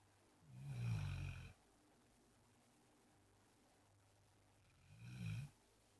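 Two low, rumbling snores a few seconds apart over a quiet room: a small dog snoring.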